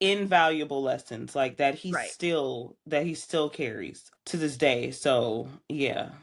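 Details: Adult woman speaking; normal speech.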